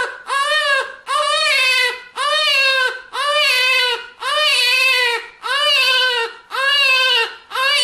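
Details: Rhythmic, high-pitched newborn crying in bursts of about a second, about 57 cries a minute, with short gasping breaks between; ordinary newborn cry.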